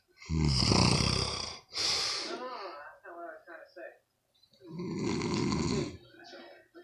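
Loud rattling snores with fluttery, uneven breath noise between them.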